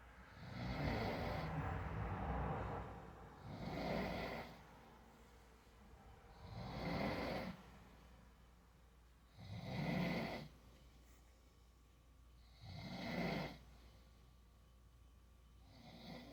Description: I recorded a video of my dad snoring